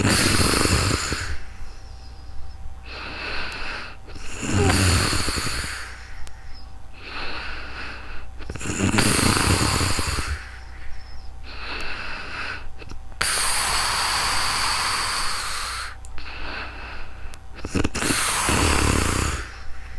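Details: Real-time recording of a sleeper, made with a new microphone: loud, rough snores on each breath, some with snorting, roughly every two to three seconds, about 20–25 a minute. Snoring.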